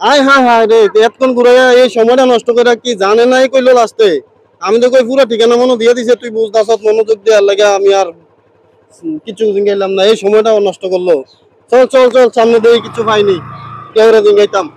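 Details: Adult man, acted comedy sketch; typical speech.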